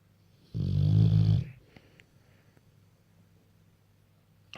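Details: Bullmastiff (Beau or Sasha) snoring loudly while sleeping on the bed: one loud, deep, vibrating snore lasting about a second, then near silence.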